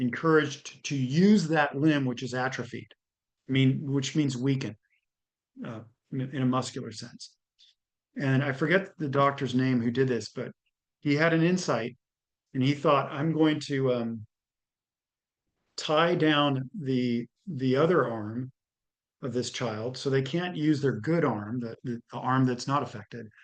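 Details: Adult man speaking; ordinary speech.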